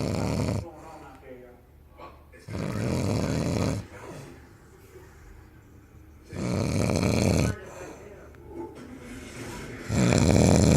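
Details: Loud, rough, rattling snores on each breath, about every three to four seconds, with quieter gaps between: heavy snoring.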